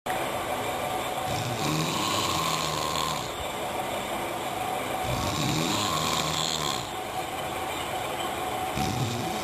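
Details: Snoring: rough, rattling breathing sounds repeating steadily over a constant background hum.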